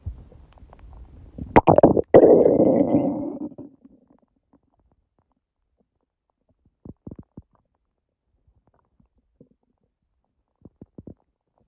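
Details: A loud gurgling rumble of about two seconds, then faint clicks and pops, recorded at 1:30 am after waking, six hours after overeating udon at 19:30; owner suspects gluten; borborygmi.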